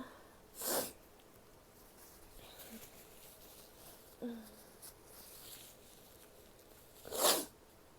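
Two sharp, explosive sneezes, one at the start and one at the end, with faint sniffing and rustling in between.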